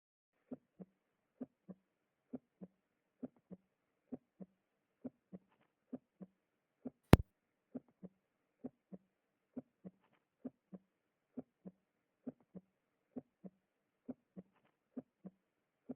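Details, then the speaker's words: Normal, physiological and healthy heart sounds: steady paired lub-dub at about 66 beats a minute, with nothing between beats. "first you have will he hear something called A Hard sound which is physiological and healthy this is how it should sound"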